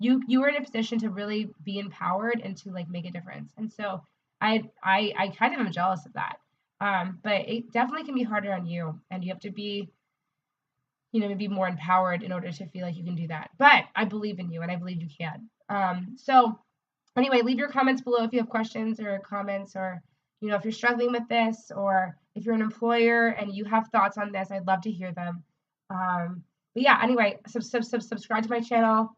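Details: Adult woman, a speech-language pathologist, who describes herself as a person who stutters: stuttering.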